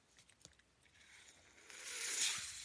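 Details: Ventilator audible behind the user's own speech while he records a Star Wars podcast; a soft airy hiss swells over about a second as it delivers a breath. Mechanical ventilator sound.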